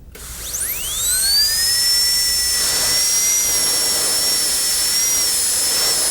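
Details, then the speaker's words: Dental high-speed handpiece refining the cervical shoulder with a light touch on a maxillary canine prepared for a porcelain-fused-to-metal crown, patient tipped back; high-pitched steady whine spinning up and cutting tooth. "now we will refine the shoulder slightly I'll tip the patient back just a little bit using a light touch the cervical can be [Music] refined"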